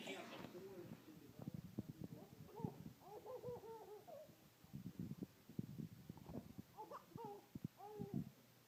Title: Can you laugh and hiccup at the same time?